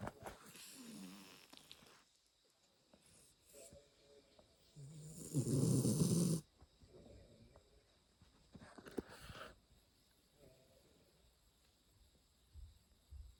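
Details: Early-morning snoring during sleep: a loud rattling snore on one breath, with quieter breathing and room noise around it.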